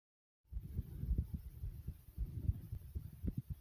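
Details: Person's own heartbeat recorded at normal pace: muffled low thumps, steady and regular, with some rubbing noise; normal heart sounds.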